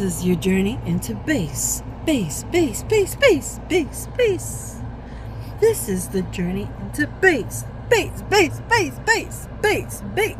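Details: Woman with Tourette syndrome during a tic attack, with a repeated phrase that is an old tic from her past among many different tics; repetitive phrase vocal tic.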